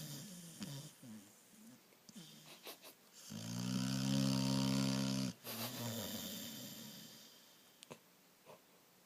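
Soft snuffling breaths with one loud, drawn-out snoring snort in the middle.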